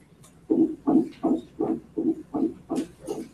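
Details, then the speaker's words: Rapid, regular heartbeat at about 160 beats a minute from a child with congenital heart disease, recorded at the start before music was set to it. "this is hearts and you will hear in the very beginning actual heartbeat and they set a song to it"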